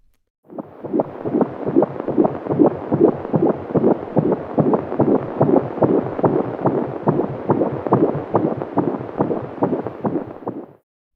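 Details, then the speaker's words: Fetal heart sounds on a home fetal Doppler (BabyBeat) at 16 or 35 weeks of pregnancy: rapid, regular galloping whooshes at about 143 per minute; normal. "some fetal heart sounds at 16 weeks the sharper sounds are the baby's heart valves already opening and closing some fetal heart sounds at 35 weeks"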